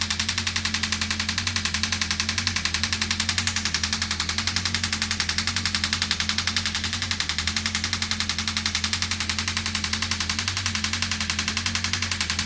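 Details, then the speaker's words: Radial shockwave therapy with a small head on an arm wrestler's arm at 3.2, above the usual 1.8, described as manageable; steady rapid mechanical tapping about 82 pulses a minute. "But on average, coming into the clinic, the average person in this type of area or up in the hands, I'm down at 1.8 with a small head."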